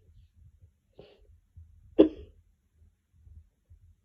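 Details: Cough: a faint breathy sound, then one short, sharp cough in a quiet room.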